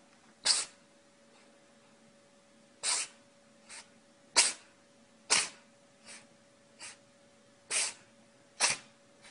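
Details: Pet named Charlie sneezing on command: several short, sharp, airy nasal sneezes at irregular intervals from a small animal; animal sneezing.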